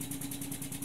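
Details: SensorMedics 3100A high-frequency oscillatory ventilator running: a steady hum with fast rhythmic pulsing about ten per second, as power is increased to raise delta P to 60, then 65.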